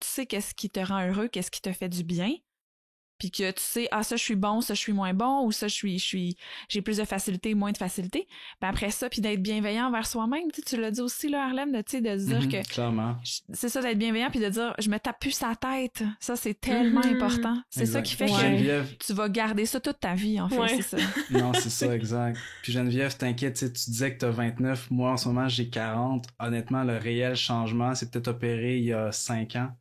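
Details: Adult woman speaking French; no speech disorder.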